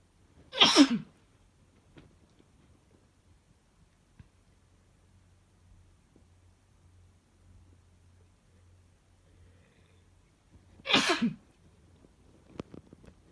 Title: Bf’s strong sneezes (m)